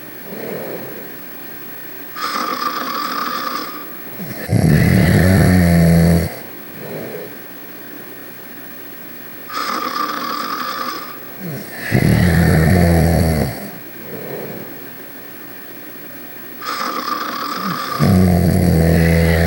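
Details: Loud, low, rattling inhaled snores alternating with whistling exhales, about eight to nine breath cycles a minute; snoring, from Ruby and Sonic.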